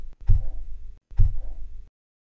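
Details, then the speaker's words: Korotkoff sounds from manual blood pressure with cuff over the brachial artery: two low, dull taps about a second apart through a stethoscope as the cuff deflates. First tapping marks systolic at 115 mmHg; reading 115/70. "okay that first tapping sound marks the systolic pressure looks like it happened at 1 15. we'll keep slowly releasing pressure until the tapping stops"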